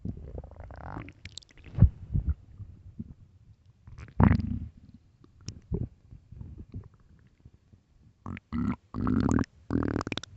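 Deep, irregular gurgling rumbles and growls from an empty stomach, ordinary bowel sounds of hunger.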